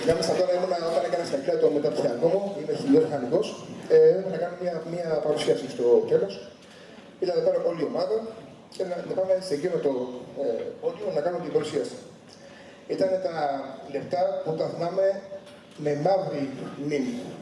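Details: Stuttering in an adult man.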